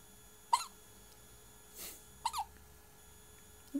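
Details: Short, squeaky hiccups recurring at irregular intervals, about three in four seconds, in a quiet room; an episode of hiccups that went on for a long time.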